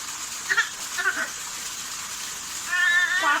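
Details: Infant crying, wanting to play in the rain: two brief whimpers, then a longer high-pitched wail over steady rain-like hiss.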